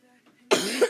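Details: A single sharp, harsh cough burst after faint background sound, from someone who says they are sick, recorded during gameplay.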